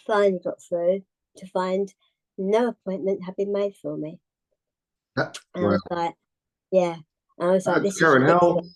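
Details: Adult woman, tongue cancer survivor, treated with partial glossectomy and radiotherapy, with a further tongue resection six months after treatment that worsened speech and swallowing; articulation impairment after partial glossectomy.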